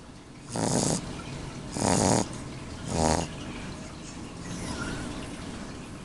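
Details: A sleeping 7-week-old Shar Pei puppy (mini, blue bear coat) snoring: three rattling, buzzy inspiratory snores about a second apart, then quieter breathing.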